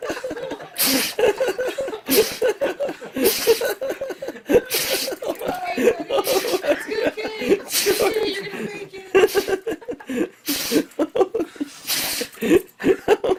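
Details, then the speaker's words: Dogs giving repeated short, sharp, puffing sneezes amid people laughing and talking; owner wonders if it is anxiety sneezing; sneezing. "Bless you. Bless you. Bless you. Anxiety sneezing?"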